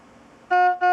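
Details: Two steady electronic alarm tones with a short pause between them from a Philips IntelliVue MP70 bedside patient monitor, signalling an alarm condition.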